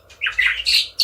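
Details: Oriental magpie-robin that had a cough and a hoarse, completely lost voice, recovered after about 7-8 days; its voice has returned and it sings actively; recovered bird song.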